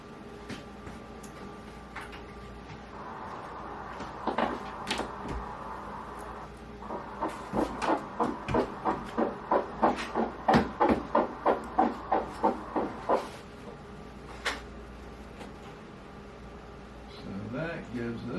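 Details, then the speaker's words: Ultrasound at 9 weeks 1 day of a singleton pregnancy in the second-trimester recap; fast, regular swishing fetal heartbeat at 177 beats a minute over machine hiss, with the fetus seen moving. "a heart rate of 177 meters per minute you see a little movement in there"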